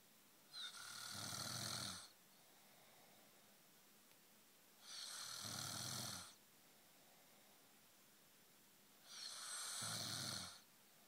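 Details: Man who denies snoring, recorded asleep: steady, regular snoring in a quiet room, each breath a rough, hissing rumble about every four seconds, roughly fourteen a minute.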